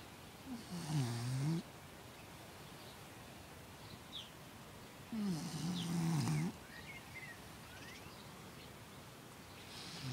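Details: Sleeping puppy snoring: two drawn-out, slightly whistling snores about five seconds apart, with faint whimpers between.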